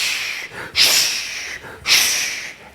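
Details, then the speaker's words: Vocal imitation of the continuous machinery murmur of patent ductus arteriosus: rhythmic hissing 'shh' sounds waxing and waning without pause throughout the whole cardiac cycle. "And if you were to listen to these patients, you will hear a murmur arise, and it lasts throughout the whole of the cardiac cycle, which is sometimes called the machinery murmur."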